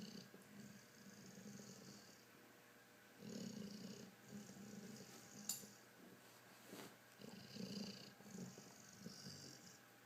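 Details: Pit bull asleep in a chair: low rumbling, purr-like breathing in slow cycles with a hissy component; snoring.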